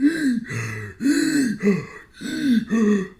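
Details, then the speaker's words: Adult imitating their own noisy breathing while running with only one working nostril, possibly a deviated septum; rough, snorting, hawking, wheezy breaths in quick succession, about 50 a minute. "I only got like one working nostril, so that breathe through your nose and out through your mouth thing is a bit of a workout in itself for me because I'm just like so I'm hawking and wheezing."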